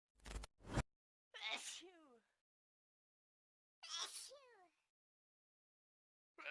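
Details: From a compilation of 25 different sneeze sounds in 54 seconds: quick breath catches, then two voiced sneezes trailing off in a falling cry, with the start of another at the end.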